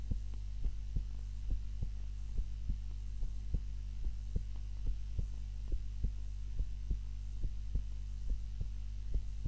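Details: Own heart sounds recorded on a timer while napping, lying on the back (supine) rather than the usual face-down position: steady soft heartbeats about 70 a minute under a constant low hum; normal resting heart sounds.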